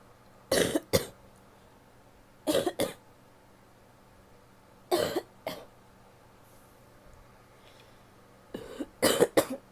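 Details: An adult woman coughs in four short bouts of two or three coughs each, with quiet pauses between; cough.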